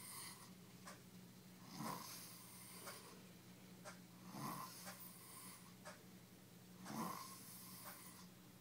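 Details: Heavily drunk person asleep after drinking almost a handle of vodka, snoring slowly and regularly, about one snore every 2.5 seconds, each a rough buzzing breath with a soft whistling edge.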